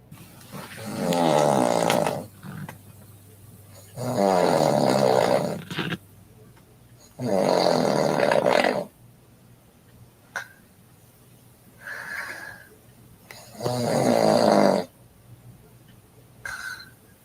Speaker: he says my girlfriend's snoring like a beast